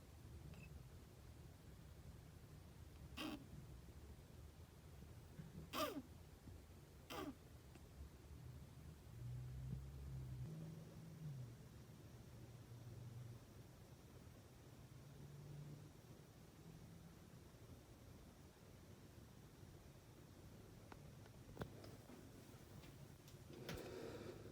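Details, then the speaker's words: Few sharp pops and faint raspy breaths from a boa constrictor in a shed cycle, owner first suspected upper respiratory infection after cold temperatures, attributed to retained shed skin in nostrils; wheezing and popping breath noises. "I also in was able to capture some of his breathing sounds which I'll include in a clip here"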